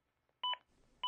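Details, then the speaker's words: Short two-tone electronic beeps from a ZOLL AED Plus during a CPR demonstration, prompting chest compressions; it alerts every 15 seconds if compressions don't reach the 2-inch target depth. "deep the AED plus will let you know the AED will let you know every 15 seconds if you don't reach the target CPR depth"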